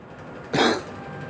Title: Girl coughing